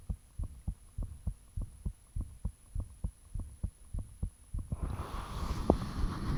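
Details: Person recording their own heartbeat with the fan off, soon after it became unusually thumpy: clear, regular thumps at roughly 100 a minute, fading into rustling noise near the end. Heart sounds, slightly fast.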